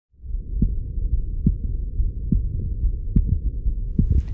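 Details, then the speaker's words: Doctor's own heartbeat heard in real time through a Stemoscope, a tiny handheld digital stethoscope paired to a mobile device: steady, regular, about 72 a minute, a clear lub followed by a softer dub. Normal heart sounds. "were you listening to you right now are the real-time sounds of my heartbeat using this tiny listening device known as the stemis cope"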